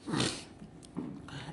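A brief, rough nasal snort followed by a softer breathy sound, typical of a single snore.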